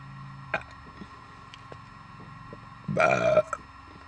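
A loud, drawn-out throaty burp, with a few small clicks and gulps before it and faint room hum throughout.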